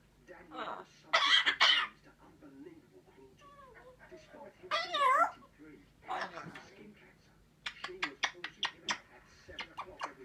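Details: Harsh, raspy coughing and hacking bursts with short meows and a quick run of repeated coughs from a Cornish grey cat: a dry, persistent cat cough.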